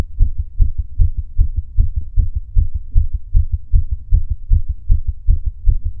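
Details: Adult male's own heartbeat recorded during breath holds: steady, regular low thumping with a soft background hum and no other sounds; normal heartbeat.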